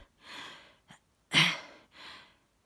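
Sharp gasping in-breaths with breathy exhalations and one loud burst, a gasp-and-sneeze pattern from a person sneezing.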